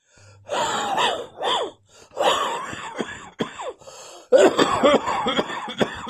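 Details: Repeated harsh, rattly coughs with gasping in-breaths between bursts, a chesty cough that has gone onto the chest.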